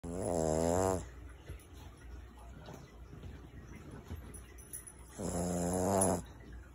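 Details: Two loud, buzzing, tonal snores about five seconds apart with quiet breathing between; ordinary snoring.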